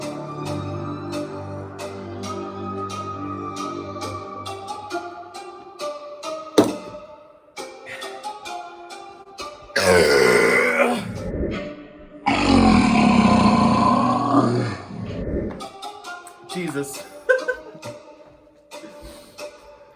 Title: MAD MYSTERY CHUG 1 **SHOCKING BURPS INCOMING**